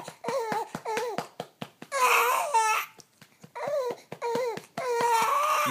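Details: Identical-twin infant, hungry and tired, cries during middle-of-the-night burping for the bottle back: short rising and falling wails broken by catches of breath, indoors; an ordinary fussy cry.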